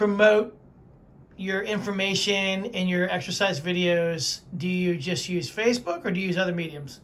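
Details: Adult speaker; typical speech.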